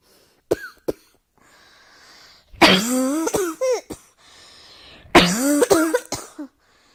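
Bouts of harsh, repeated coughing with hoarse, strained edges and quiet breaths between; recurrent coughing fits.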